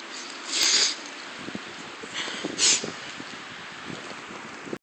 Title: Sneeze Attack!